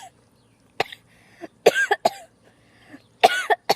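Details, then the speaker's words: A child drinking soda on a trampoline coughs in several short, irregular bursts, some with a throaty catch, after the drink goes down wrong. "And cheers to coughing. Yay! Cheers."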